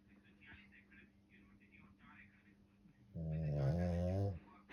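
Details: Snoring: a single loud, rattling snore following soft background sounds in a quiet room; speech follows.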